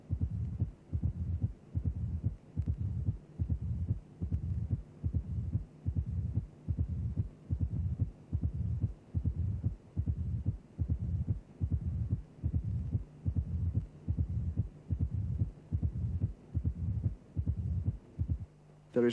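Simulated heart sounds at about 73 a minute: a loud first sound, an early diastolic opening snap and a low rumbling mid-diastolic murmur, typical of mitral stenosis.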